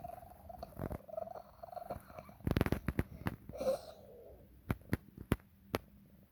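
A cat purrs with a whistling, wheezy tone, breaks into a burst of harsh coughs, then makes sharp clicking swallows: wheezing and coughing during purring.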